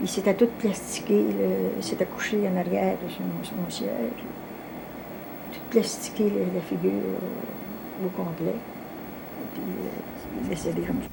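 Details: Adult man speaking French; ordinary speech.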